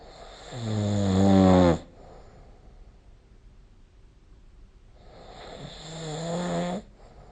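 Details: Two loud, rattling snores on breathing in, about five seconds apart, with quiet breathing between; sleep snoring recorded with the SnoreLab app.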